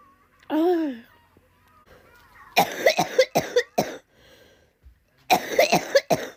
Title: tiktok cough comp 6